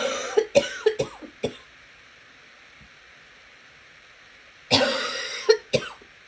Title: Coughing continues